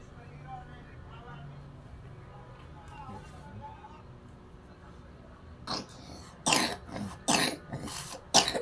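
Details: Toddler getting routine wellness massage since age 3 months, with complaints of cough and poor appetite: a run of about five harsh, wet-sounding coughs and throat-clearing in a quiet room.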